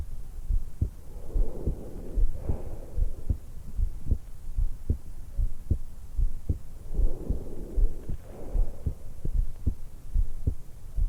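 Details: 20-year-old woman just after waking, lying supine in bed, stethoscope microphone at the suprasternal notch: steady heartbeat about 75 a minute with slow, soft breaths underneath; normal heart and breath sounds.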